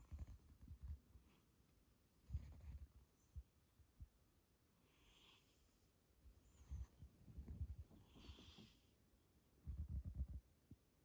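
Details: Sleeping cat snoring: soft, low rattling snores recur every few seconds with quiet pauses between breaths, ordinary feline snoring.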